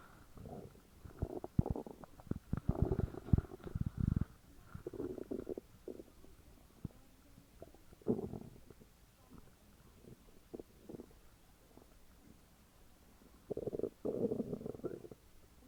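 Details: Loud gurgling and rumbling stomach growls from a woman, in several bursts with quiet gaps; borborygmi.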